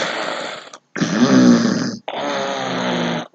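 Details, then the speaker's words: Three loud, rattling breathing noises in quick succession, each with a rough, vibrating buzz and separated by brief pauses, illustrating a family snoring during an afternoon sleep. "the silence was occasionally broken by the sound of my family snoring look here snoring means harsh sound of breathing while sleeping"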